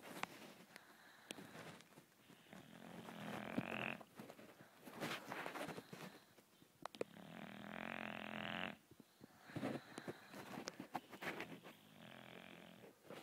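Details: Snoring in a sleeping dog: loud, rough rattling snores on each breath, about five breaths heard, with quieter pauses between them.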